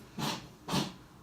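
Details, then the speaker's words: Two harsh, breathy coughing bursts from the owner's pet dog in a quiet indoor room; owner says the coughing sounds so bad, in a vlog that includes a vet visit. "you can hear him coughing that's though it's so bad before baby you okay bubs oh"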